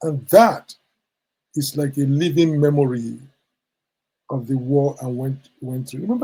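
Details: Adult man who says his stammer began in childhood from war trauma, and who says it is sometimes endurable and sometimes not; stuttering.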